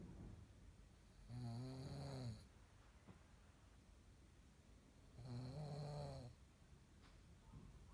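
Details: Deep-sleep snoring of a sleeper, recorded by a partner.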